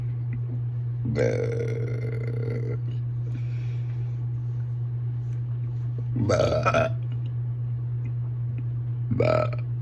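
Three burps, one long and two shorter and hiccup-like, over a steady low hum.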